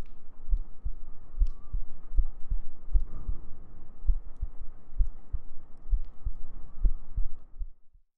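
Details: ASMR sleep-aid heartbeat: steady, regular paired thumps at about 80 beats a minute over a faint steady hum.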